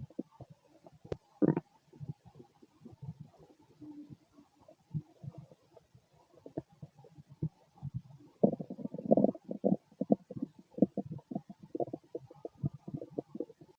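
Irregular gurgling and bubbling rumbles with short squeaky bursts, typical ordinary stomach growling from gas and fluid moving through the gut.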